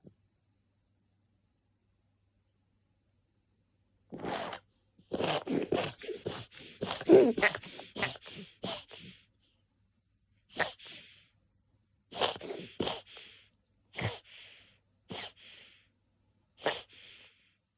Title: Gasping - Woke up gasping for air